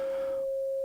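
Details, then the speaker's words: A steady pure tone at 540 Hz from a phone frequency generator, matched to the tone the person hears in his left ear, with faint room noise; tinnitus simulation (pure tone). "I found the frequency of the tone in my left ear, and it happens to be"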